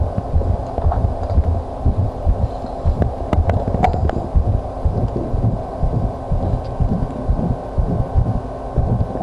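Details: Visible heartbeat: repeated dull low heart thumps picked up against the chest under a steady low hum.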